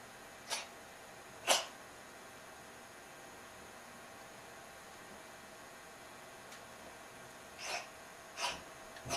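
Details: Sick cat sneezing and coughing the night before a vet visit: five short, sharp sneezes scattered over several seconds against a quiet background hiss.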